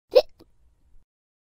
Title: Hiccup sound - Sound Effects For your Videos